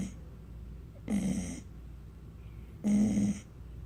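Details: Two loud, rough, snort-like snoring breaths over quiet breathing from a sleeping dog that wakes herself up with her own snoring.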